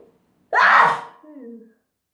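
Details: Sneeze induced by dust: one sudden explosive sneeze followed by a short voiced trailing sound.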